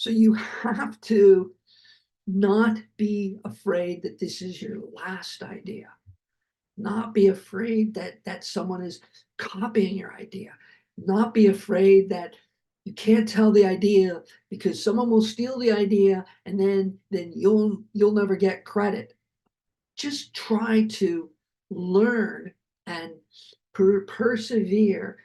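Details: Adult man, a heart attack and aphasia survivor who keeps working as a producer, speaking with aphasia.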